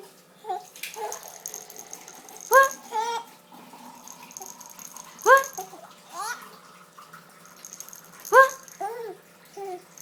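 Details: Infant aged 4 months laughing, with three sudden sharp gulping catches in the voice, about ten per minute, between soft baby vocal sounds; hiccups.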